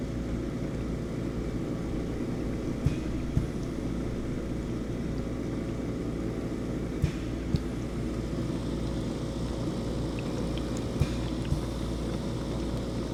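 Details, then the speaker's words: Home oxygen concentrator switched on in quiet room (ambient around 43 dB) to compare noise levels: low steady motor rumble with faint clicks; home oxygen concentrator running. "I will turn on the oxygen machine so you can hear the the noise level differences."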